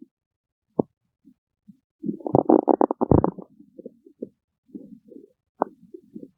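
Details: Stomach growling (borborygmi): irregular gurgling and rumbling bursts, a louder bubbling run midway, and scattered low squelches and pops.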